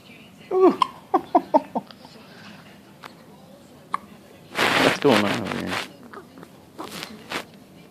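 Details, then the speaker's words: About five short, sharp, voiced hiccups in quick succession from a boy, then a louder burst of vocal noise; hiccups. "For the hiccups? Got the hiccups?"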